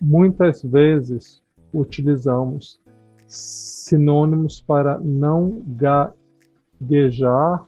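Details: Adult speaker; no disorder.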